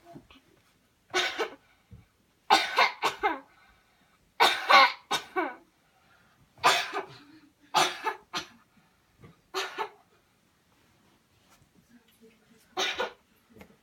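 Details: Deliberate voluntary coughing exercise demonstration: about eight forceful coughs in short bursts with pauses between, done after guided breathing in and out.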